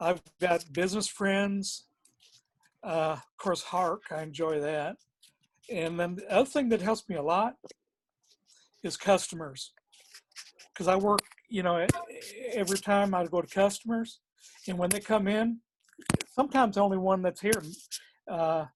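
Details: Man with aphasia after a stroke who has had therapies, naming his support system with word repetitions and hesitations; aphasia.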